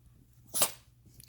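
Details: Dog sneezing: a single sharp, hissing nasal burst in a small room, one sneeze.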